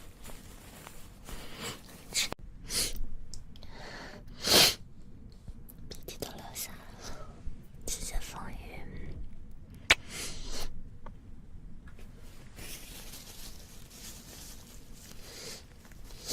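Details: Chinese young woman with allergy sneezing: several sharp, wet sneeze bursts with quiet breathing and sniffing between them.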